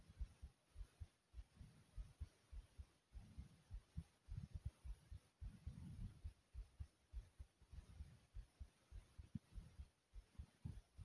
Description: Listen to the thumping sound of my heart beating through my chest.